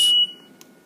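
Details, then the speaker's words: Older Cardinal/CareFusion T-Bird series (Vela) ventilator pre-use check: single short high-pitched electronic beep marking a passed filter test, followed by quiet room noise. "okay now switch test off alarm test yes I think it works"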